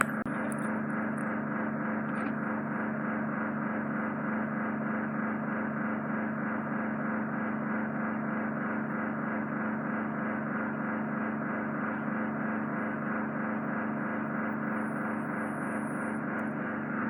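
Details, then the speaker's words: Loud, steady sucking roar with a fluttering rattle as a suction probe removes impacted ear wax stuck on the eardrum during endoscopic microsuction; patient has eyes open, not dizzy; wax buildup caused by cotton bud use. "Got as much out as I possibly can off your eardrum. There's a bit of wax that's staining and stuck to the drum. I can't get any more out because I'm putting the suction probe on the eardrum."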